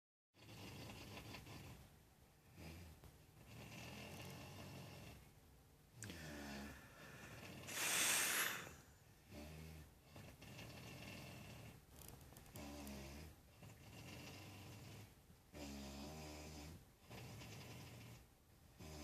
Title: My wife snores